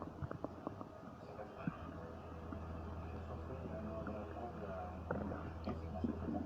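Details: Low gurgling and rumbling with scattered pops and squeaks over a steady low hum; stomach and bowel noises of normal digestion (borborygmi).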